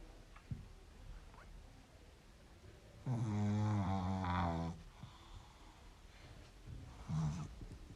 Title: Pug Sleeping and Snoring Like a Human